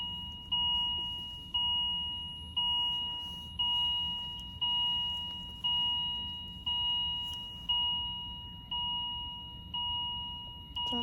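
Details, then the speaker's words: Hospital room after childbirth, newborn to be taken to NICU after oxygen levels dropped to about 88; steady electronic beep about once a second, a machine alarm going off all night. "also excuse the beeping i don't know that machine keep going off someone has been doing that all night it's over my sleep so [ __ ] annoying"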